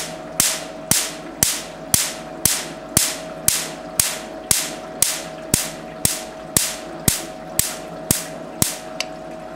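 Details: Q-switched Nd:YAG laser firing for tattoo removal: sharp, evenly spaced snapping clicks, about one per second, over a steady hum.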